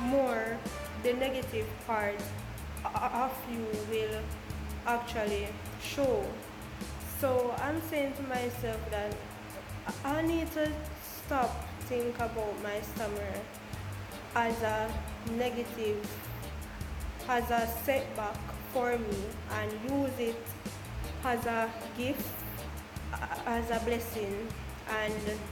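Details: Stuttering in an adult Jamaican woman who describes her own stammer.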